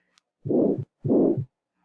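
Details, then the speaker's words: Cardiac auscultation: two heartbeats, each with a harsh blowing ejection murmur in mid-systole, with first and second heart sounds still clearly heard: aortic stenosis murmur. "estenosis aórtica quien digo yo muy bien es un soplo sistólico y lo vamos a escuchar en la mitad de la sístole"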